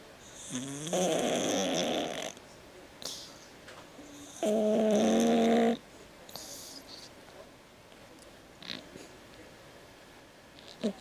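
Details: Cat with noisy breathing from a condition as a newborn, now fine: loud, harsh snoring on two breaths, quiet rustling between; very loud snoring.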